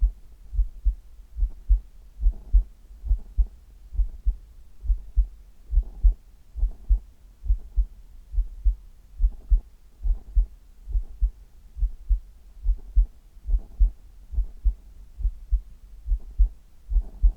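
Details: Adult heartbeat recorded from the chest for ASMR: steady low paired thumps, about 70 beats a minute, in a quiet room; heart sounds.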